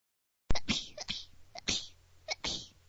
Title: sneezes like a bunny - part 2